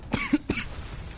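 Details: Adult gamer who says they are sick with a raspy voice: two short, harsh coughing bursts with a brief throat-clearing grunt between, against faint room noise; a dry cough with throat clearing.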